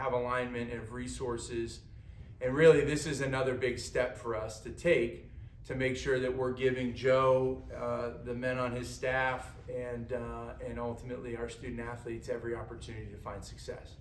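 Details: Adult male speaker; normal voice.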